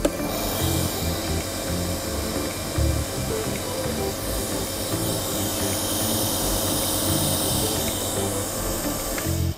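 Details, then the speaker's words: Omron C101 nebulizer compressor running, measured at about 86.0 dB: a steady, low, buzzing motor hum, relatively quiet, with faint background music. "kita matikan nah kebisingannya 86,0 dibel lebih bising ya dibanding tipe 801"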